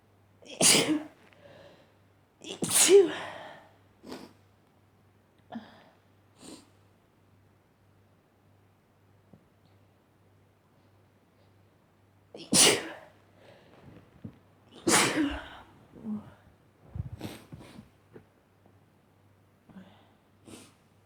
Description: I just sneezed